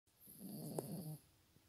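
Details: Sleeping dog snoring: a single low, rumbling snore.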